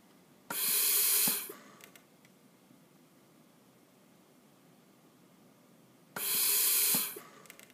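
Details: Bird Mark 8 IPPB device set up as a ventilator on a test lung, set to a tidal volume of 500, a rate of 20, and about a one-second inspiratory time: two hissing breath bursts about one second long, separated by several seconds of quiet.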